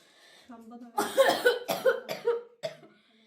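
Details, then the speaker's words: 12-year-old boy with an 8-year chronic cough, on cortisone medication, coughing in a rapid run of about five harsh bursts; cough keeps him awake at night; chronic cough. "En sevdiğim oyun futbolu da falan da oynayamıyorum. Bu öksürük beni gece de uyutmuyor."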